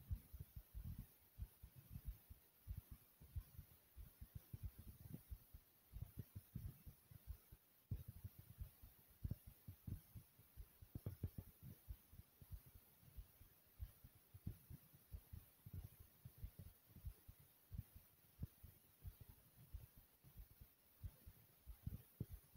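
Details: Rapid heartbeat after jumping in place, with heavy breathing: quick, closely spaced low thumps of a heartbeat sped up by exertion; a normal response to exercise.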